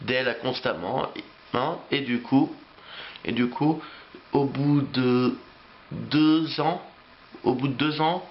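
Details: Adult male French speaker who has stuttered since age three, with repetitions of words and phrases; stuttering.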